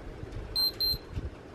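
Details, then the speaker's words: Two short high beeps from a digital thermometer finishing a reading showing no fever, taken on a sick girl with a headache and light sensitivity (possible migraine suspected); it beeps differently when there is a fever. "beeps different when you have a fever."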